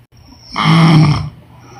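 A single loud, throaty snore lasting under a second in a quiet room; snoring.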